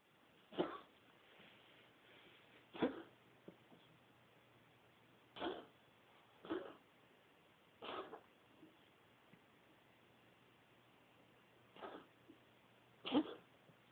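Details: Ginger, likely a cat, coughing: seven short, soft, dry coughs spaced a few seconds apart against faint steady background hiss.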